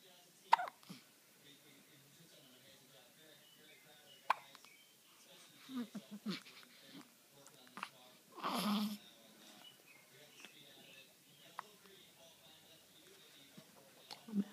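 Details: A 6-day-old baby's small, sharp, abrupt catches of breath recurring every few seconds in a quiet room; newborn hiccups.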